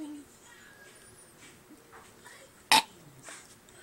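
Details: Young girl burping on request to show off: one brief, sharp single belch in a quiet room with faint voices nearby.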